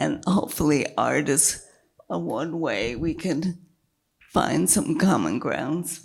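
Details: Woman with multiple sclerosis and a failing diaphragm, struggling to keep her voice, with an earlier brain lesion that caused total speech loss and word-finding difficulty; dysphonia in multiple sclerosis.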